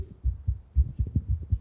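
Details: Regular, fairly quick, low normal heart thumps with a faint background hum, from a remote cardiac auscultation through a stethoscope connected to a teleconsultation kit; the demonstration patient had just run to arrive.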